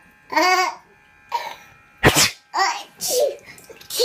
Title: Sneezing